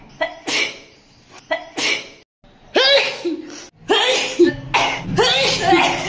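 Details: Sneezing challenge, with sneezes apparently induced (red chilli powder or grass are mentioned): a quick run of about six sharp, explosive sneezes, some with a voiced cry.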